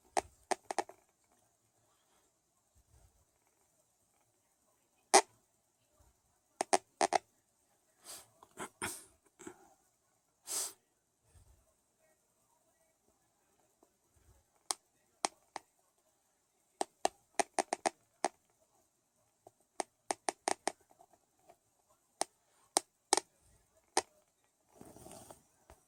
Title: Bad Bruxism 2